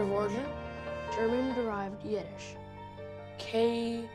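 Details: Acted portrayal: 11-year-old boy character repeats sounds while spelling a word during practice; stuttering.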